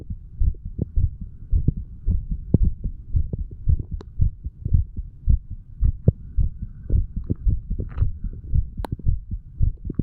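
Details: Self-recorded heart of a 35-year-old standing male, stethoscope moved over the mitral, tricuspid, pulmonary and aortic valve areas, then the right ventricle area; steady lub-dub about 110/min with some rubbing noise, no obvious extra sounds; normal heart sounds.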